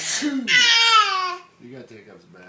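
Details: A father's single sneeze, a sharp intake and hissing burst, makes his baby laugh, followed by a long high squeal and soft baby sounds.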